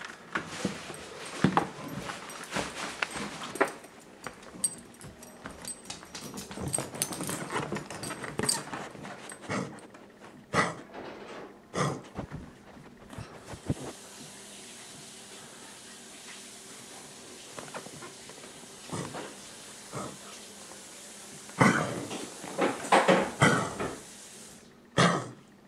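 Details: Dog gives repeated harsh, hacking cough bursts in clusters, with quieter pauses between bouts; the finding is cough.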